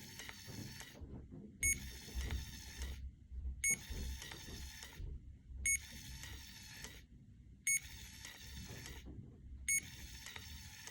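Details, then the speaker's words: Repeating mechanical whirring cycles about every two seconds, each ending in a click, as a CADD Legacy infusion pump primes its extension tubing with IV Remodulin; the prime key is held until it self-stops, then held again. "now this will eventually self-stop itself after it goes through some priming cycles so you will have to release the prime key and then hold back down until you see this drop see it stopped itself so i need to release hold down again"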